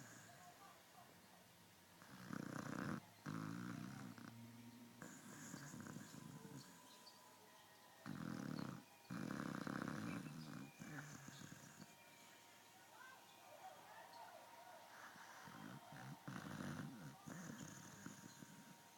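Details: Snoring in a sleeping pet worn out after a birthday party: loud, rough, rumbling breaths repeating every few seconds over a steady room hum.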